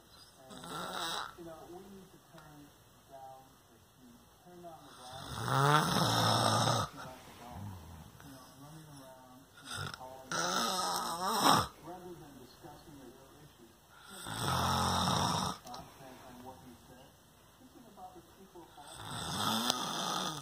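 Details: Father snoring in sleep: loud, rough snores on each breath in, about 12 a minute, with quieter breathing between.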